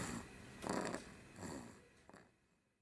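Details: Snoring from a person asleep in a high chair: short, fading, rough breathing noises in a brief stretch of sound.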